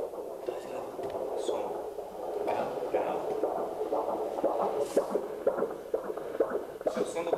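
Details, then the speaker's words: Fetal heartbeat on a monitor around the time of birth, with bleeding mentioned: rapid whooshing pulses, about 130 a minute. "é o som do coração do bebê? É. Olha isso."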